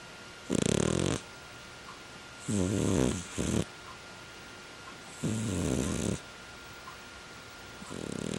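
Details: Dog snoring while lying on a warm heated throw: rhythmic rattling snores, one on each breath about every two to three seconds, with a steady room hum.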